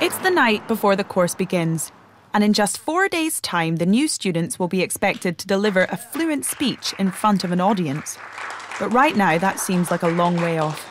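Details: Adult female narrator; normal fluent speech.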